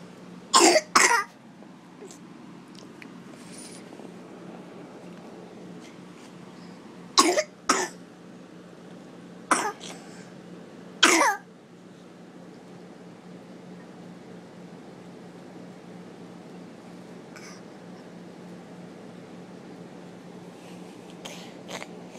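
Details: A child gives about six short, sharp coughs in small clusters, with quiet pauses between.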